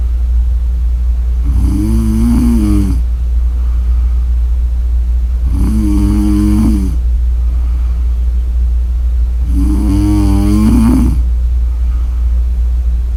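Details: Sleeper's snoring recording: three loud, rattling snores about four seconds apart, roughly 15 breaths a minute, over a steady low room hum; ordinary snoring.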